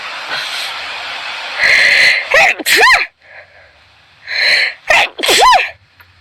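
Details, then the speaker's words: Girl sneezing loudly: two pairs of sharp sneezes, each with a breathy intake and high voiced 'achoo', separated by quiet room noise; ordinary sneezing. "Извините слишком громко чихаю"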